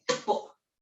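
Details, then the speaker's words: Short, harsh double cough, the second burst voiced, from an adult woman with a persistent throat cough she can't stop; she has not had COVID but wonders if it is post-COVID, in a quiet small room. "so let let's get cracking i've because i've got this throat thing this cough that i seem to have had from i haven't had covered but i seem to have pores covered if you can have post covered without corbin i don't know but i can't stop coughing"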